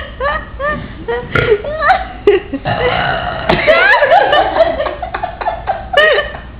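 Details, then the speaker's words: Deliberate loud, drawn-out trucker-style burps: several voiced belches in a row during a friendly burping competition after a night out, with laughter and chatter between, and participants calling some of them fake. "How many points are you? You're gonna make yourself throw up. Please don't."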